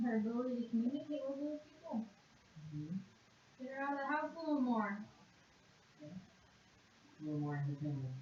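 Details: Conduction aphasia, severe, in a 56.5-year-old woman after a single left-hemisphere stroke, during a one-minute animal-naming word fluency task.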